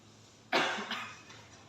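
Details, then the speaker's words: Simulated cough-etiquette demonstration: a single deliberate cough, softened as if covered, in a quiet room. Mask, sleeve and tissue methods are taught, followed by handwashing or hand rub. Voluntary cough. "Ya, jangan lupa teman-teman, setelah kita batuk, banyak kuman-kuman di tangan kita."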